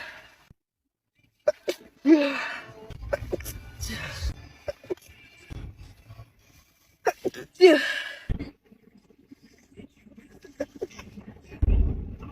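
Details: Female sneezing: two clear sneezes, each a sharp intake then a forceful burst, among quieter sounds and faint background music.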